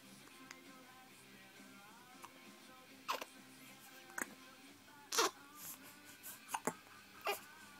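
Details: Baby with hiccups: short, abrupt infant hiccup sounds recurring irregularly over background music; hiccups.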